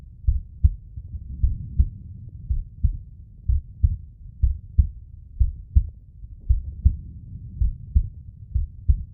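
Deep, muffled paired thumps repeating fairly quickly and a little unevenly under a low hum, a slowed heartbeat sound.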